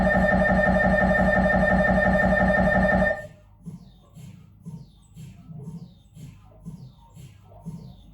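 Loud steady buzzing drone from the scanner that stops abruptly, then softer rhythmic knocking pulses; normal MRI noise during a head scan.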